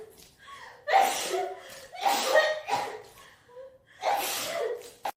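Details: Sneezing compilation of Meta and Tokimeki: a quick run of three or four sharp, hissing sneezes with short gasps between them.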